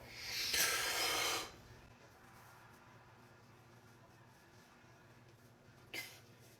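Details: Deliberate long forceful nasal snort-like inhalation used as a trick to stop hiccups, then quiet and a brief sharp breath near the end; hiccups reportedly gone afterwards.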